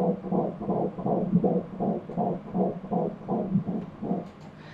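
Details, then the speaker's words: Fetal heartbeat on Doppler during a 12-week pregnancy ultrasound: rapid whooshing beat, stated rate 167 beats per minute, normal, with sharp bursts and extra thumps from active fetal movement. "сейчас вы услышите как стучит сердечко ребёнка в 12 недель беременности на сердечко это прыгает вот эти резкие всплески и уходит из-за движений это прыжок"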